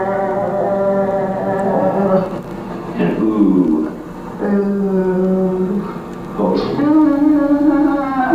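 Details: Woman with benign essential tremor of hands, head and voice, sustaining vowels E and O for about three seconds, showing vocal cord tremor: essential vocal tremor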